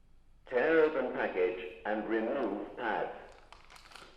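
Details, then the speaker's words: Calm, evenly paced synthetic voice speaking short instructions from an automated external defibrillator just switched on during a CPR and AED training webinar demonstration. "so switch it on like this and wait for the machine to speak"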